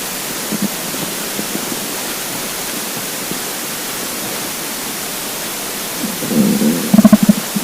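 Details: Steady hiss, then a brief burst of low gurgling near the end from a hungry, empty stomach; stomach rumbling (borborygmi).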